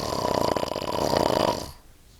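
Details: Person snoring: one loud, rough, fluttering snore on a breath in, about one and a half seconds long, then quiet.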